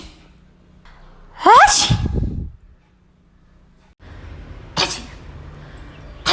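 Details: Person sneezing: one loud voiced sneeze with a rising inhale, then a shorter sharp sneeze after a pause, with quiet room noise.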